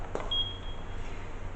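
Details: Hamilton T1 transport ventilator powering on during setup and calibration: a click followed by a single short, high electronic beep over a low hum.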